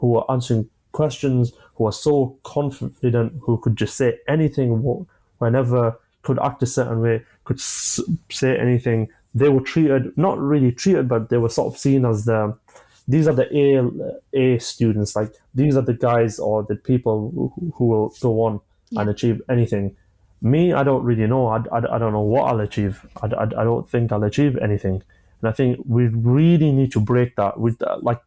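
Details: Adult man, 25, with a stammer since early childhood (after an asthma attack), who manages blocks with breathing techniques and pausing; stammering.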